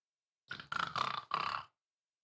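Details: Adult man imitating his own snoring after a steam shower, which his child mocks: three or four rough, throaty snorting bursts in quick succession.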